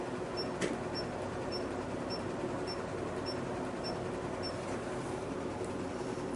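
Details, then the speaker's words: Revlite laser, 532 nm wavelength, 4 mm spot, treating an epidermal pigmented spot on the left lower extremity of a light-skinned patient: steady machine hum with faint regular beeping pulses about twice a second; laser pulses firing. "so we're going to treat this with the 532 nanom wavelength and we're going to use a 4 mm spot"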